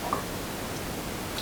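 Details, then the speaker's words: Adult woman's own right temporomandibular joint, a click she developed in college with exam stress: faint, brief jaw click against quiet room noise; TMJ click. "I actually have a click or pop on my right jaw joint"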